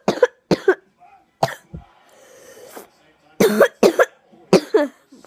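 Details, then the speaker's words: About seven sharp, harsh coughs in short clusters with brief pauses, from a young person home with a really bad cold. "so I'm not doing much today cuz I'm really not feeling well guys can probably hear it in my voice"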